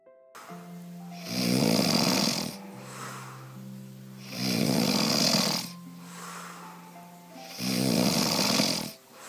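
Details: Snoring; who snores louder.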